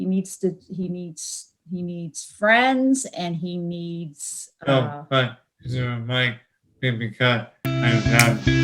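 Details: 31-year-old man with Broca's aphasia, apraxia of speech and dysarthria from a traumatic brain injury in a 2016 car accident, with word-finding difficulty; finding: aphasia with apraxia of speech and dysarthria.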